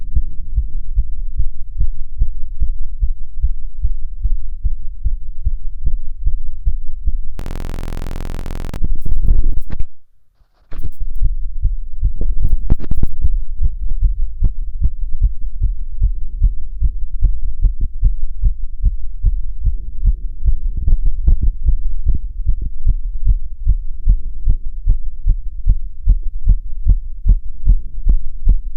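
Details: Self-auscultation with stethoscope while standing (orthostatic) and sitting: rapid, regular heart sounds; sinus tachycardia with otherwise normal heart sounds.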